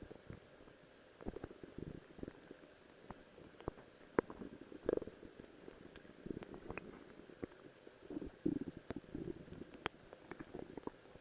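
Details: Stomach growling (bowel sounds, borborygmi) recorded by the person themselves.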